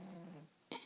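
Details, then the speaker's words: 5½-year-old female Yorkshire Terrier asleep, giving a brief buzzy, low rumbling breath, a short pause, then a noisy breath; snoring said to sound human-like. "they can hear her she snores like a human I don't even snore this much"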